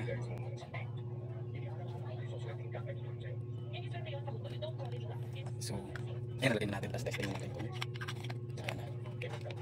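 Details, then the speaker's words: Newly unboxed low-cost portable nebulizer being test-run, with a stronger and a milder setting: low steady hum of the running device, with quiet talk and handling noise nearby. "gumagana siya goods bale Okay nga t's meron pa siyang yung mas malakas"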